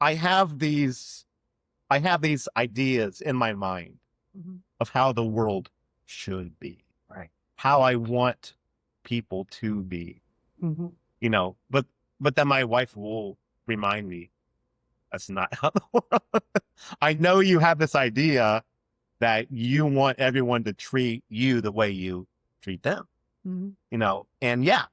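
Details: Adult man who has stuttered since childhood and had years of speech therapy as a child; real, non-acted speech in a conversation showing stuttering.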